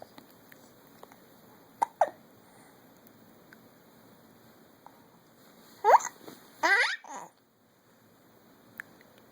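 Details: Morning hiccups: several short, abrupt hiccup sounds, some in quick pairs, in a quiet room.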